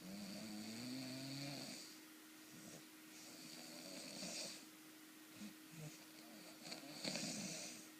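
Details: Person snoring in a small room: rattly, whistling snore sounds over a steady background hum.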